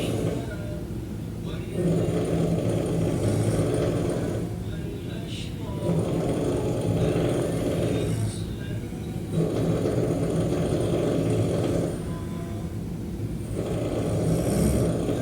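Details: Rhythmic, rough snoring with each breath in, about 16 breaths a minute, from a person in a hospital, over steady room hum.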